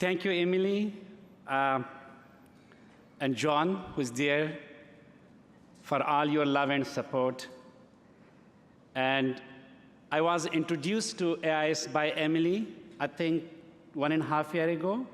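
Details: Adult man who has stuttered since early childhood, giving a live speech at a gala: stuttering.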